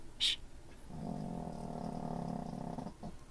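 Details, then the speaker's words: Sleeping dog giving a single long, low, buzzing snore of about two seconds over faint room noise: ordinary dog snoring. "I don't want to wake him up either so if you hear snore it my bad it's very apparent"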